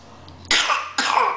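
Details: A child gives two quick, deliberate put-on coughs rather than one from illness; voluntary (fake) cough.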